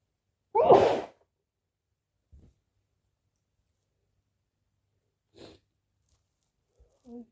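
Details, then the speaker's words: Single loud, explosive sneeze in a quiet room, announced beforehand ("I need to sneeze") with faint breaths after; ordinary sneeze. "Oh, I need to sneeze. I need to sneeze. I need to sneeze again."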